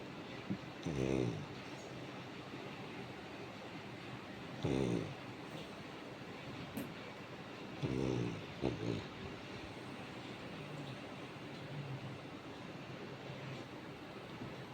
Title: Coco is snoring 😪 please like and subscribe 💓#labrador